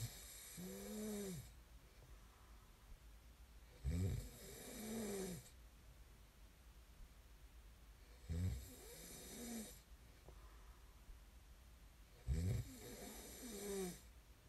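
Rhythmic snores, about 15 a minute, with a rough fluttering intake on each breath and a softer outward sound between.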